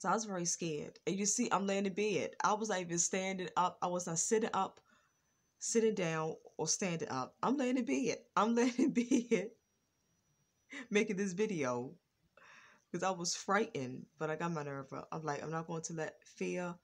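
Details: Adult woman with a lifelong stutter, now more controlled and improved, worse when excited; stuttering.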